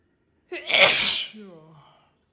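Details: Single explosive sneeze, a sharp hissing burst trailing into a brief voiced sound; from a sneezing and nose-blowing challenge clip.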